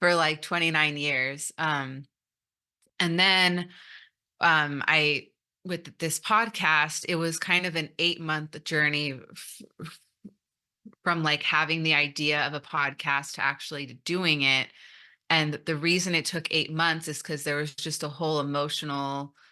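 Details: Stuttering in an adult woman who stutters, giving a conference talk.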